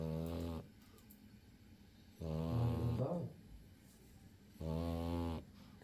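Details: Pug dog snoring while asleep: loud rattling snores with quiet pauses between, about three in six seconds.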